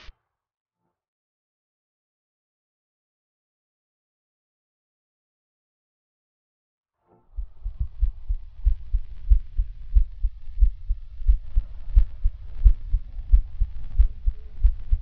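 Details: Normal heart sounds recorded through a digital stethoscope chest piece placed on a patient's chest: after about seven seconds of silence, regular low heart thumps at roughly 90 beats a minute.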